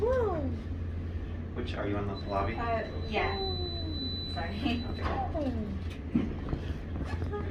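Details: Adult speaker in a small room; ordinary speech.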